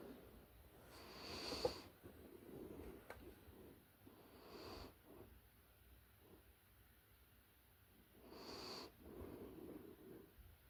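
Soft snuffling breaths with light snores at a slow, even pace, about 18 a minute: a puppy snoring in deep sleep.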